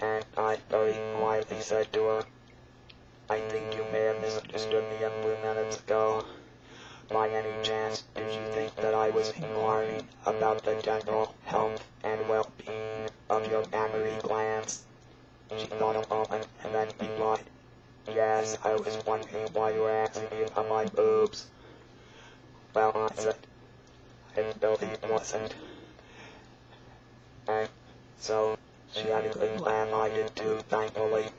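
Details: Electrolarynx speech from a real electrolarynx user, shown during attempted singing with the device.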